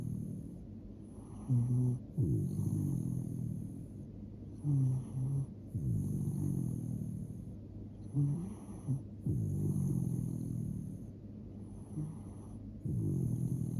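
Irregular low rumbling snores with snorty catches, about 17 a minute, over a steady high electronic hum; ordinary dog snoring.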